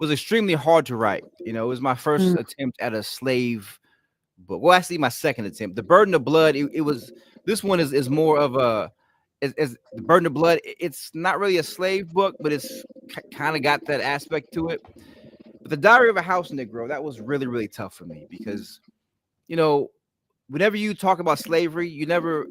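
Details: An adult man with a stutter present since childhood, when it was ten times as bad, and worse when he is excited or relaxed at home; here he is concentrating to control it; stuttering.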